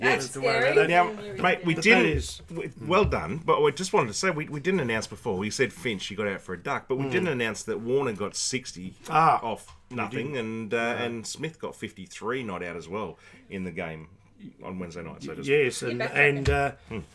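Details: Adult male speaker; normal voice.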